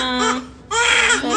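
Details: Two-month-old baby crying in pain during ear piercing: loud, high-pitched crying in sharp bursts with a brief pause for breath, an acute pain cry.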